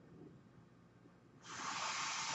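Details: Real recording of a podcaster's own mechanical ventilator audible during speech: a quiet low room hum gives way to a sudden loud rush of hissing air as the ventilator delivers a breath.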